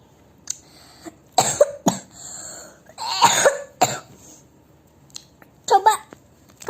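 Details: Adult coughing in a quiet small room: several sharp, forceful cough bursts.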